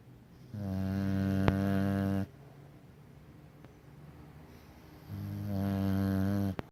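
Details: Two long, droning, buzzy snores on the in-breath, about five seconds apart with quiet pauses between; snoring during sleep.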